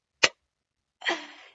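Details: An abrupt, sharp throat sound followed by a brief noisy vocal burst: a simple vocal tic of Tourette syndrome, recorded on a rough day of tics.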